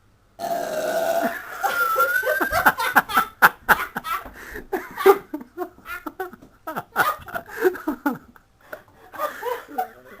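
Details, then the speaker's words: Woman in a burping contest: a long opening belch, then a string of short burps mixed with laughter in a small room; she says Diet Coke works best and trapped wind is hurting; burping. "Can't burp on demand, can you? But that's all that happens, is just... If I feel that'll be it. Diet Coke does it best, doesn't it?"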